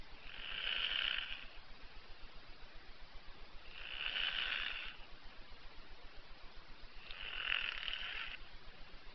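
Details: Snoring with three evenly spaced, high-pitched, nasal, quacking snores on breathing in, about 20 a minute, over a steady faint hiss, likened to Donald Duck.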